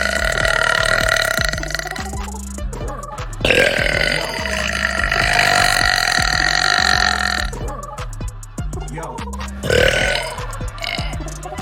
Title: Girl Burps